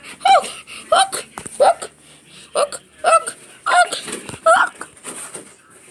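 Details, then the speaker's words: Repeated voiced hiccup-like squeaks roughly every half second mixed with laughter, from a character (Foxy) in a skit; acted, simulated hiccups. "xy are you all right look look he holds the hiccups hold your breath foxy that never works"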